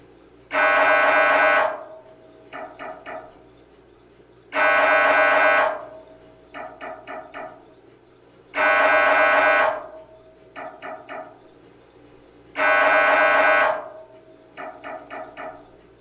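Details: Sample MRI scanner noise for patient preparation: loud, steady buzzing tones alternating with quick knocking bursts, repeating about every four seconds.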